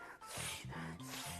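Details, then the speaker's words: An adult imitates a Shih Tzu–poodle cross dog's reverse sneezing with rapid, harsh inward snorting gasps in quick succession; it sounds like choking, with ribs flaring, and owners suspect allergies or something stuck in the nose or mouth. "If you Google it, it is the most terrifying sound to hear in your own pet. It sounds like they're choking, and his ribs would flare, and it was like he was choking."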